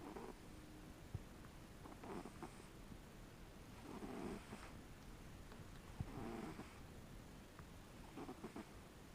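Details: Pumpkin the cat snoring gently: soft, rhythmic rasping breaths about every two seconds over steady room hiss.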